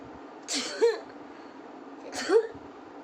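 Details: Adult woman who is unwell, during a sneezing, nose-blowing and coughing challenge, says she is short of breath: two short, harsh coughs about a second and a half apart, each with a brief voiced end.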